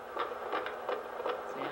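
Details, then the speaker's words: Pregnant woman, second-trimester prenatal checkup: rapid, regular whooshing fetal heartbeat, about 165 per minute, on a Doppler monitor. "I think your doctor might also want to listen for the baby's heartbeat oh"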